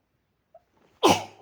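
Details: Person whose nose has tingled since waking, who usually has hayfever controlled with pills and whose trigger is unknown, sneezes into cupped hands: a faint intake, then one sharp, explosive, somewhat muffled burst. Single sneeze.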